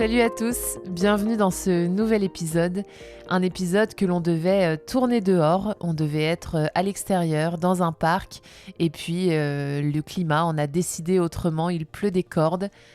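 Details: Adult woman speaking French; normal voice.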